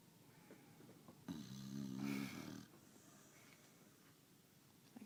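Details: Female dog sleeping after a hard day of walking and eating, snoring: one deep, rumbling snore lasting just over a second, with quiet breathing around it.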